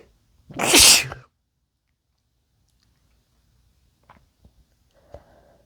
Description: male sneezes induced and wet